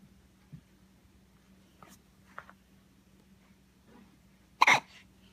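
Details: A few faint catches then one sharp, louder hiccup in a quiet room, hiccups keeping the person from sleeping; hiccups.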